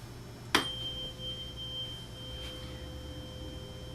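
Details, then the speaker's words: Rinne hearing test on an adult male patient with a 512 Hz tuning fork: a sharp tap, then a steady pure ringing tone as the fork vibrates behind the ear until the patient says it stops. "you hear the tuning fork vibrating in your head yes can you tell me when it stops"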